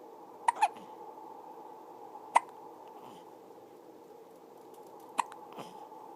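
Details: Short, sharp hiccup sounds at irregular intervals, about four in six seconds, over a steady room hum; hiccups.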